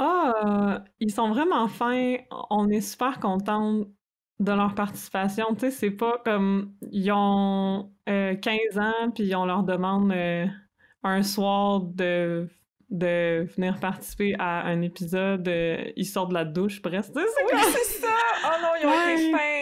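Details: Adult woman speaking French; normal speech.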